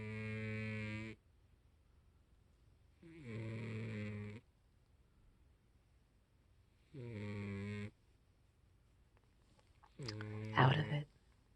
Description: Tweek is a heavy sleeper 😂 he snores like this on a daily basis😹